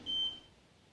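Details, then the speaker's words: New hospital bed's built-in scale weighing weights placed to simulate a patient during a staff in-service: a single short high-pitched beep signalling the weight reading is complete, then quiet room. "it does so you will hear a single beep you now see the patient's weight i will push save"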